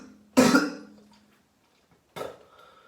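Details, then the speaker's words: Two harsh coughs, the first loud and drawn out with a rough tail, from an adult ill for about three days, possibly with COVID-19 (unconfirmed), hoarse voice and mucus production; cough. "So I'm gonna film myself cough my fucking throat out."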